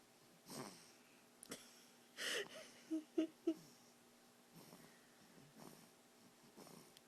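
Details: Sleeping toddler with a chromosome disorder, epilepsy, autoimmune disorder and lung issues makes irregular noisy breaths with short squeaky, whistling snorts in a quiet room; light snoring, reportedly fine.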